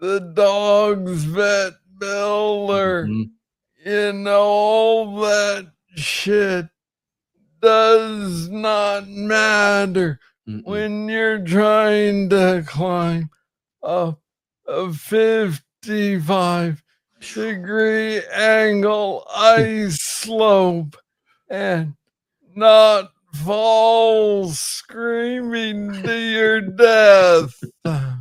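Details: Adult man diagnosed with Parkinson's disease in 2014 at about age 35, first misread as tennis elbow; described as speaking slowly. Slow speech (Parkinson's disease).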